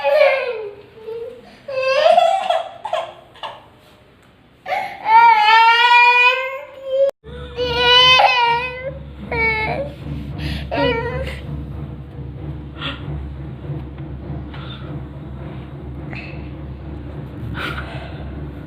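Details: Little baby crying because not allowed to be naughty: whimpers, then loud wailing cries fading to short sobs over a steady background hum; infant crying.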